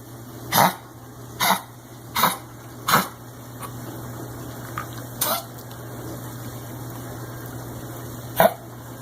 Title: Dog coughing